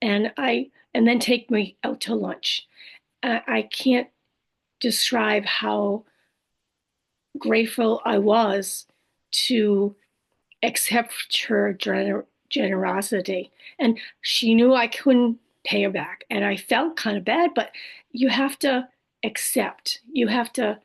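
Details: Adult woman after a stroke with aphasia, apraxia of speech and dysarthria; she says her speech can sometimes be hard to understand.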